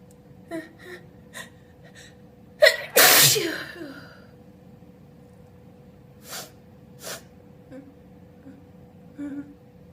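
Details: One loud, voiced, wet open sneeze with a sharp gasp before it, followed by sniffs and soft breaths; ordinary sneeze.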